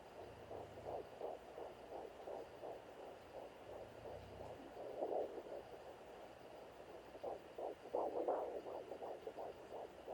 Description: This video is about what a normal vs abnormal fetal heart tone on a digital doppler sounds like. You will also hear some cord and placenta sounds.